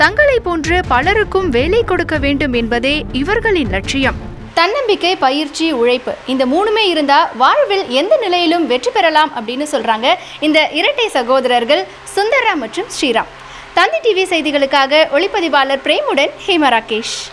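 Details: Adult female news narrator; typical speech.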